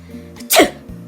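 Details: Sneezing: a single sharp sneeze burst over background music.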